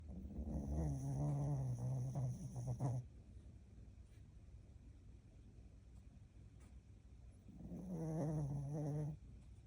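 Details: Blu, a pet dog, sleeping: two long, low, rumbling breath sounds separated by a quiet pause; snoring.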